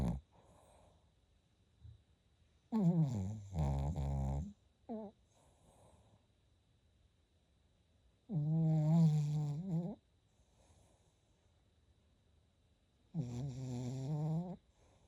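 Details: Sleeping Shih Tzu dog snoring: long, loud, vibrating snores with quiet pauses between them.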